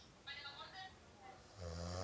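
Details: Low, rumbling nasal snoring from a man, ordinary snoring, in a noisy room with joking talk over it.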